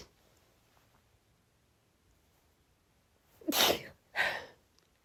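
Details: Woman's sneezing fit triggered by cold air, unexpectedly, with sniffles: two sneezes in quick succession after a quiet stretch.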